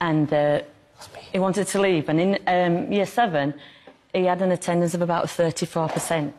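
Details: Adult woman; typical speech.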